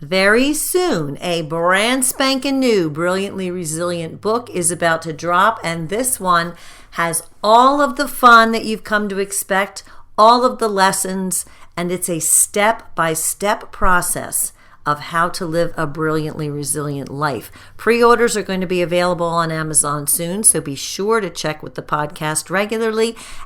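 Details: Adult woman speaking; normal speech.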